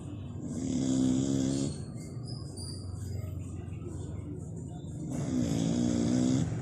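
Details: Dog snoring with a human-like sound: two loud, long, rattling snores with a quieter breath between, deep in tone.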